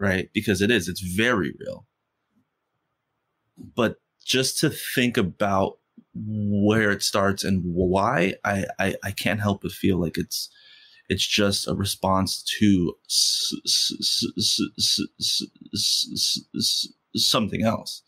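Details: Stuttering in an adult man who has stuttered since first grade; he stutters most when asking for things or saying something important.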